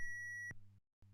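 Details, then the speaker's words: Simulated CPR and AED training on an Ambu mannequin: a steady high electronic beep over a low hum around the prompt to press the orange shock button and deliver a shock, then silence. "press the shock button deliver shock now stands clear press the orange button now"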